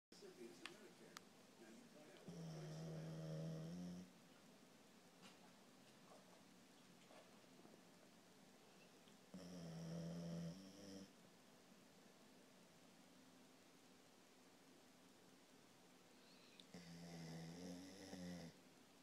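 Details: Sleeping after a long play session, snoring: three slow, deep, long rumbling snores spaced several seconds apart in a quiet room.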